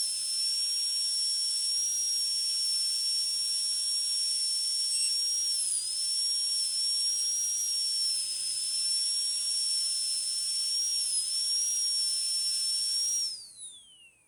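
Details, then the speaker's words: High-speed dental drill with a steady high-pitched whine, dropping slightly under load and winding down, cutting the axial surface with a flat tapered bur on tooth 46 for a metal-ceramic crown preparation (demonstration). "I am going to use a flattened tapered burr for this preparation. Same way I am going to give the depth grooves on the lingual surface also and then do the lingual preparation."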